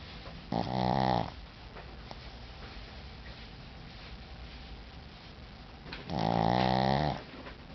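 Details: Tired Shih Tzu dog snoring: two loud, rattling snores about five seconds apart, with quiet breathing between them.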